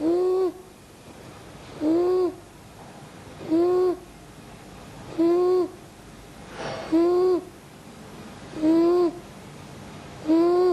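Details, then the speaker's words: Child with moderately severe croup, not toxic, with barking cough and recession, now asleep: persistent high-pitched crowing inspiratory stridor with each breath, about 35 per minute, its inspiratory timing obvious during sleep. "stridor is persistent and more marked during inspiration hmm oh during sleep the timing of the stridor during inspiration is now obvious"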